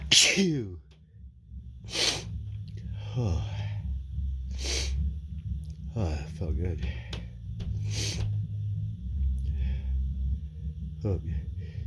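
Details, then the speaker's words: Person describing a tickle and building up to sneezes: four sharp, explosive sneezes a few seconds apart, with short build-up breaths and sighs between, over low background hum. "I feel a tickle. I think of a sneeze. Achoo!"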